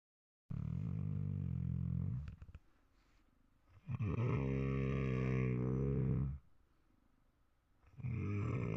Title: Do you Snore at night Like 😱😱